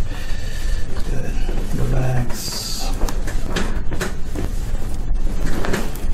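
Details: Joint cavitation cracks from the lumbar spine during a chiropractic adjustment of a woman lying on her side, with one leg straight and the other bent up.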